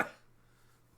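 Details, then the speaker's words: One short, deep cough from an adult sick for the last couple of weeks, described as a deep cough coming from down low, then a quiet room. "It's like that deep cough that comes from down here."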